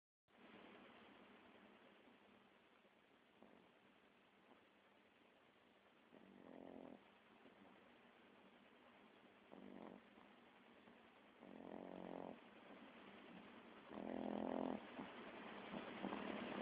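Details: Dog snoring: soft snoring breaths, louder toward the end, over steady background hiss.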